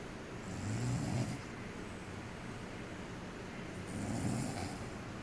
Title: Caught on Camera Snoring